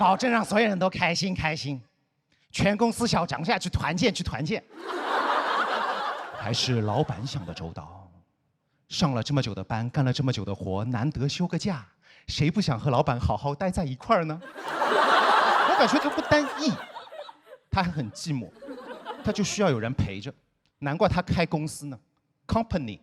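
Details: Male comedian who stutters, performing stand-up; stuttering.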